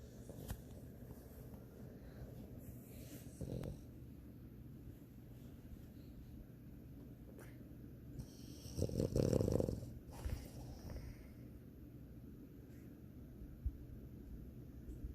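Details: Sleeping French bulldog snoring: low, rumbling noisy breathing with a louder snort partway through.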